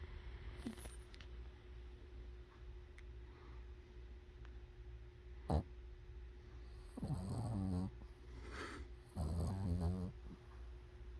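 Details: Snoring cat: two low, rattling breath sounds about two seconds apart over a steady room hum.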